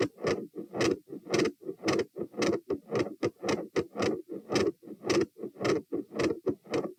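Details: Recorded at position T while standing, 108–120 bpm: fast, loud heartbeat of about 110 a minute with a harsh, gradually changing murmur around the second sound and an intermittent machinery murmur that comes and goes.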